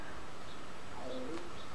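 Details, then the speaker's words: Adult whose stomach keeps growling while talking, saying they don't feel hungry: a faint, gliding, gurgling rumble rises and falls briefly over low room noise, stomach growling (borborygmi). "Did you hear that? That's my stomach. I don't know why my stomach is growling. That's the weirdest thing ever."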